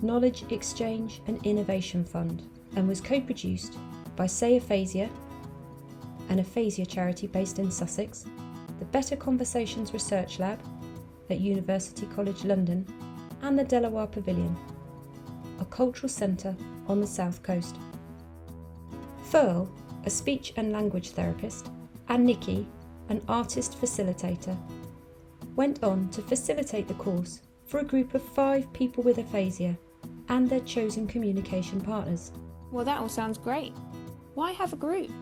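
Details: Adult woman narrator; normal speech.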